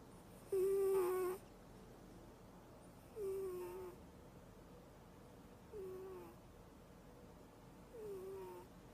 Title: Funny Cat Snores in sleep